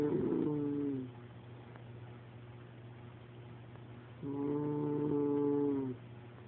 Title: Deep snoring..